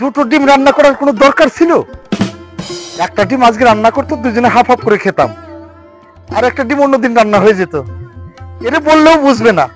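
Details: Adult speaker, acted drama scene; normal speech.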